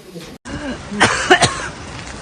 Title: Coughing